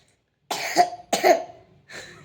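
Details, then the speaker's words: A young boy with a bad cough, who coughed at night with trouble breathing, gives three short deliberate coughs on request, two firm and one softer, as a demonstration. "अब की दवा लेने जाएंगे क्योंकि आज को बहुत खांसी आ रही है दोस्तों। बता खांसी आ रही है तुम्हें?"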